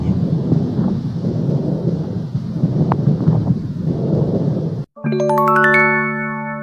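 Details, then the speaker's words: Stethoscope lung auscultation in lung inflammation: rumbling breath sounds with scattered popping crackles (moist rales). "这是肺部炎症时的失罗音。"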